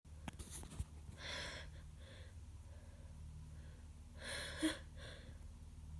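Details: Repeated sneezing from a person with a bad cold and worsening congestion, heavy mucus and constant nose-blowing: breathy build-up inhalations followed by two sneeze bursts, the second stronger, over steady room noise.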